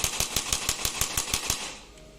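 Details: About ten sharp mechanical clicks, roughly six per second, then stopping: a digital electric chiropractic spine adjusting gun (up to 1100 N, 13 force levels) firing repeatedly when pressed against the body.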